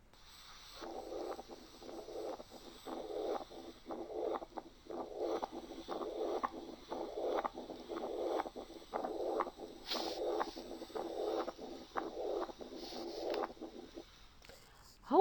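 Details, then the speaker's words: Teaching recording of combined mitral stenosis and mitral regurgitation: a rhythmic, almost continuous murmur in systole and diastole, with brief gaps separating the two murmurs. "ده مثال لاورتيك ريجيرج واورتيك ستينوزيس. وده مثال تاني لحالة فيها mitral stenosis وmitral regurg."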